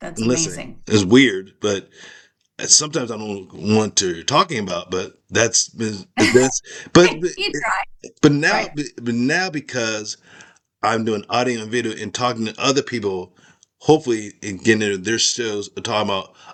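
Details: Aphasia after a stroke in an adult man whose skull was removed during recovery, with word-finding problems, repetitions and garbled sentences.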